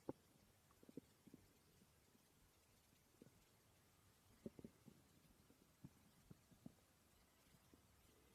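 Faint scattered gurgles and pops against a quiet room. Ordinary bowel sounds, harmless stomach growling.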